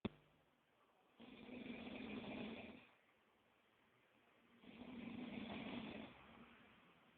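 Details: A person snoring: two slow, rough, breathy snores separated by quiet exhalations, roughly seventeen breaths a minute.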